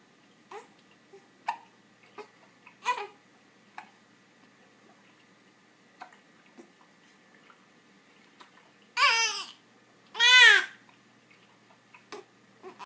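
An infant makes short, sharp hiccup sounds at irregular intervals, with two brief fussy vocalizations.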